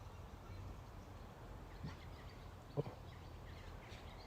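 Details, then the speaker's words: Outdoor evening recording in Scotland with steady low background noise; one or two short, distant coughs from a sheep or goat that sound almost human. "that cough? Hear that? And in the dark. It sounds like a person."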